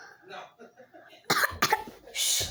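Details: A child coughing during a hot-sauce spice challenge: two sharp coughs followed by a harsh, breathy throat-clearing burst after eating very spicy rice.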